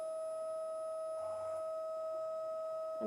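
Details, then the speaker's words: Steady high electronic tone with faint rustling from a retinal imaging camera during a real eye exam, two images taken per eye with a flash; normal instrument operating sound. "and then you get the green a little bit back and big flash of light and I'm going to take two images per eye"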